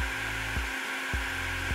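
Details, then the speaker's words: De Soutter Medical CC7 oscillating cast saw handpiece, activated in low speed mode by pressing the button again within three seconds: steady motor hum with regular soft pulses. "if i press the button again within three seconds you'll activate a low speed mode"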